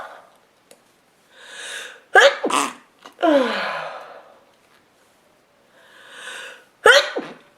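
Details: Woman sneezing repeatedly, each sneeze preceded by a drawn-in voiced breath and ending in an explosive burst; sneezing.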